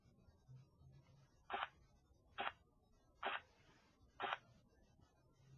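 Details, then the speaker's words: Four soft tapping Korotkoff sounds near 68 a minute, then silence, at the diastolic end of a blood pressure reading; phase 4 is the accepted diastolic in children, phase 5 in adults. "El sonido Corotkov número cuatro es la medición diastólica aceptada en niños y el número cinco en adultos."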